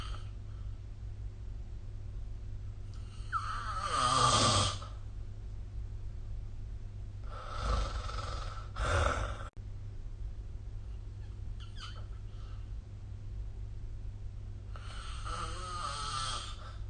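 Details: Repeated rough snores every few seconds over a steady low hum, recorded with the SnoreLab app during sleep.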